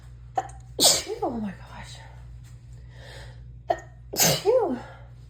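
Two forceful sneezes, each with a quick inward breath before it and a voiced trailing sound after, part of an allergy sneezing fit.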